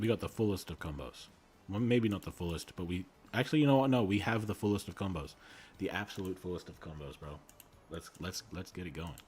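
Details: Male streamer with a self-reported speech impediment who says he stutters and normally edits it out of his videos; a word repeated three times is heard; stuttering (whole-word repetition).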